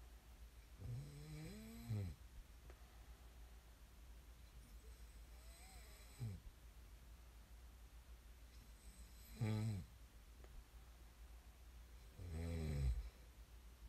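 Irregular, rattling snores, about four in the recording, over a steady low room hum.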